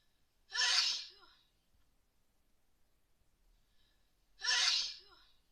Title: Attack sneezes cold